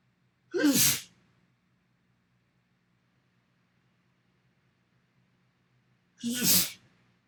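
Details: Two loud, sudden sneezes about six seconds apart, cut together from mirror recordings, with quiet room hum between them.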